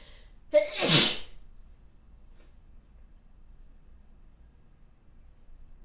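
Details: One sharp adult sneeze: a brief intake of breath, then a loud explosive burst, then quiet.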